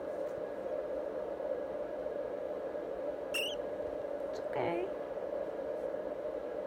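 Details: Foster guinea pig giving birth to her first of two babies, having a hard time getting the first out: quiet room hum, then two brief high squeaks, a pain cry.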